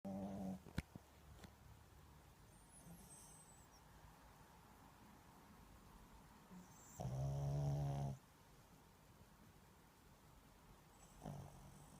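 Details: Sleeping dog snoring; low rumbling snores, one loud snore lasting about a second with softer ones around it; snoring.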